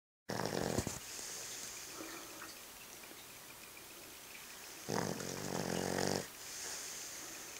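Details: Judge, a dog, snoring while asleep: two loud, rough snoring breaths a few seconds apart, with quieter breathing and room noise between.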